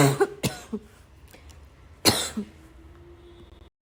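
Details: Two harsh barking cough bursts over noisy breathing, with a faint high whistling wheeze on the breath afterward; a barking cough with wheeze.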